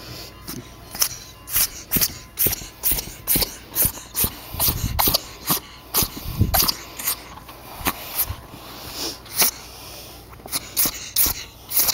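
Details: Pet ferret having a sneezing attack, about twenty sharp, short nasal bursts in twelve seconds over a steady high tone; owner wonders if dust is in his nose; he recently drank lots of water and is not choking.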